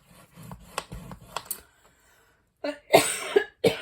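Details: Adult woman coughs during craft work: soft scraping and tapping, a pause, then a short run of a few dry, forceful coughs.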